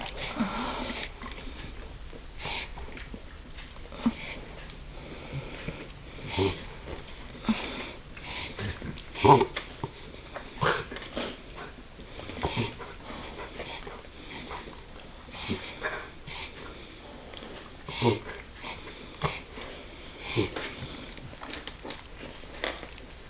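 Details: A dog makes repeated sharp, snorting sniffs through the nose, fitting a reverse sneezing episode; owner asks what is wrong with him.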